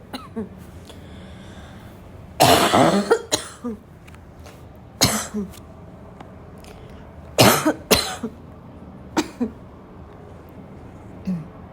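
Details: An intense, recurring barking cough: repeated harsh, forceful coughs with throat clearing, a hoarse barking quality between quiet gaps.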